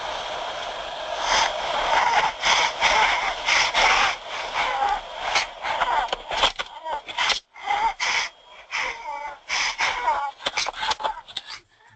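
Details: Wheeze from a child with bronchiolitis, shown as a case in a pediatric respiratory distress teaching webinar.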